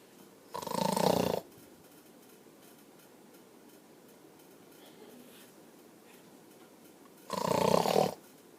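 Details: A father snoring during sleep: two loud, rough, rattling snores on breathing in, about six seconds apart, with quiet breathing between.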